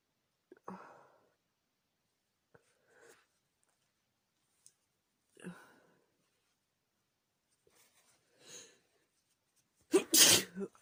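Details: Several soft sniffs and breathy bursts building to one loud sharp sneeze, in an adult woman using chhinkni sneezing powder; sneeze.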